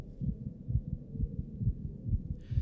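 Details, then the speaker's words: Soft, low, muffled thumps in a steady rhythm: the presenter's own heartbeat captured with a digital stethoscope strapped to the chest while documenting a performance. "recordings of my own heartbeat during the documenting process which I capture with this digital stethoscope strapped to my chest"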